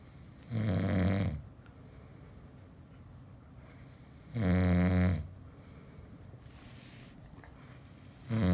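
Deep, rumbling snores on inhalation, about one every four seconds, with quiet pauses between; ordinary snoring.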